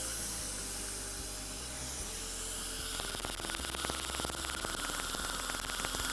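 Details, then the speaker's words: Steady hiss of air and water spray, then rapid snapping pulses: a cool dental laser firing in little bursts while removing a cavity near the gum line; the patient reports slight cold sensitivity, so power is adjusted. "and that little tapping sound you hear is the laser energy as it comes out in little bursts like that"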